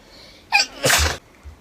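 A single sneeze: a short high-pitched intake, then a sharp, breathy burst.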